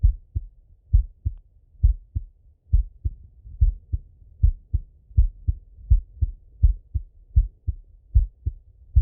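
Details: Normal adult male heart sounds, self-recorded while sitting at a desk or lying in bed: steady clear low-pitched lub-dub about 80 beats a minute, no added noises.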